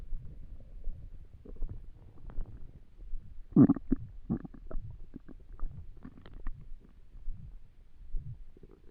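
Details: Stomach noises while trying to sleep on an empty stomach: quiet low gurgles and bubbling rumbles, louder in the middle; hunger-related borborygmi.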